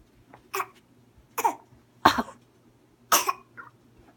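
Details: A young child gives four short, deliberate coughs made on purpose rather than from illness: a voluntary, fake cough.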